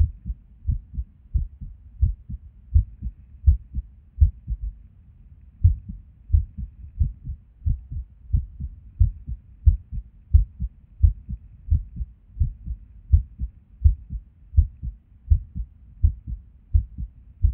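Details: Resting heartbeat recorded while sitting at a desk: low thumps roughly 80 a minute with uneven spacing and occasional pauses, an irregular rhythm with skipped beats.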